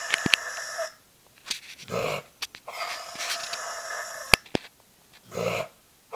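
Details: Dog with recurrent episodes of inadequate inhalation, recorded just before anesthetized exam diagnosing laryngeal paralysis (later left arytenoid tie-back surgery); earlier signs were raspy breathing after exertion. Long harsh raspy whistling on each breath in, short quiet puffs out: inspiratory stridor.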